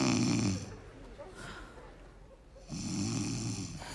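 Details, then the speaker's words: Snoring in a comedy skit, a bedmate complaining she won't sleep again: two loud rattling snores on inhaled breaths with a quiet pause between. "Ну что ты опять будешь храпеть Я не усну опять"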